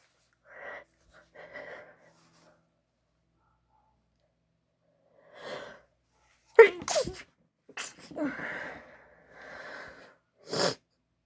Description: Tried to stifle my sneezes which made a few multiples